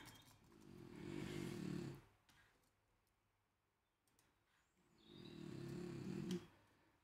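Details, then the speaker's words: Two slow, rumbling snore breaths from a sleeping dog, separated by a quiet pause; ordinary snoring in a quiet room during a live coding session. "if you can hear my dog she loves the snore during these live coding sessions"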